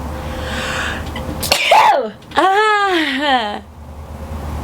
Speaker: that's how i sneeze i have the start of a sneeze so that's how i sneeze